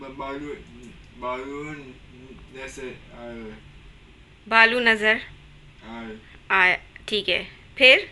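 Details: Adult speech therapist; therapist prompting speech.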